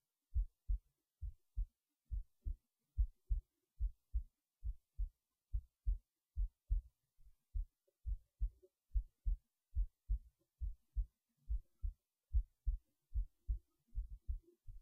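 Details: heartbeat recorded while resting in bed late at night before sleep; soft, steady lub-dub at about 70 beats a minute with faint room noise; normal resting heartbeat.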